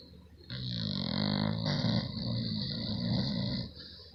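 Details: A female fast asleep snoring heavily like a grown man: a long, loud, rattling low rumble on one breath, deep and coarse for her size.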